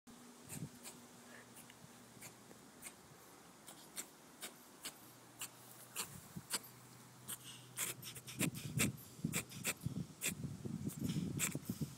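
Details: Cat named Junior in a hairball coughing fit: quick, repeated hacking and retching sounds while bringing up a hairball, in a quiet room.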